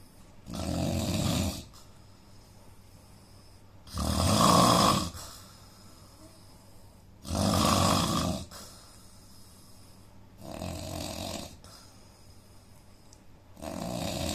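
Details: Indian man snoring in sleep, with a nose problem noted: loud, rough snores on each breath in, about 18 a minute, with quiet pauses between.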